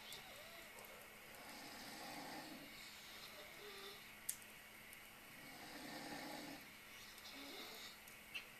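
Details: Sleeper snoring in the dark: slow, soft, rasping breaths about 15 a minute over a steady room hum.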